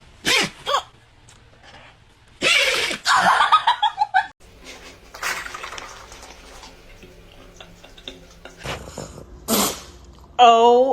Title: The dog was sneezing like crazy #dog #dogs #dogshorts #funny #funnyvideo #funnyshorts